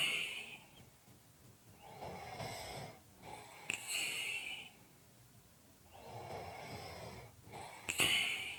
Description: This is a 5 minute audio clip of Heavy Breathing / snoring.